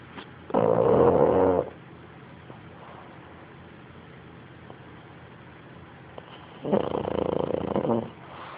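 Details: Snoring: two loud, rattling snores about five seconds apart, each lasting about a second, with quiet breathing between them.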